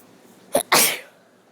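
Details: Person with a cold sneezing once: a short sharp intake, then an explosive hissing burst that fades within half a second.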